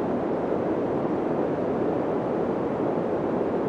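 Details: Steady, even pink-noise hiss in a low-middle pitch band, a synthetic sound used to find and match tinnitus frequency.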